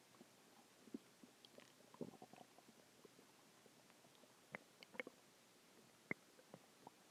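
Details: Stomach growling a few hours after a huge meal (cheeseburger, fries, three eggs, onion rings, cheese stick, chicken tenders): faint scattered gurgles and clicks over a quiet hiss, soft borborygmi after eating.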